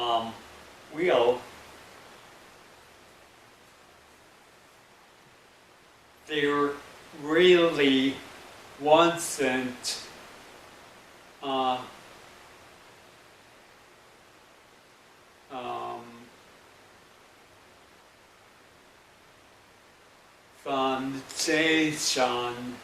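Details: Adult about 11 months after a stroke, in an intensive aphasia program; halting speech with long pauses; Broca's aphasia (non-fluent aphasia).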